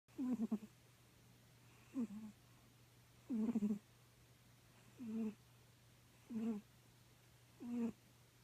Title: Maks the Bengal cat snoring